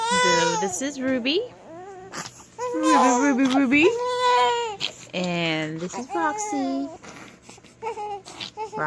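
Repeated wailing cries with short pauses between bursts, the sound of an infant crying.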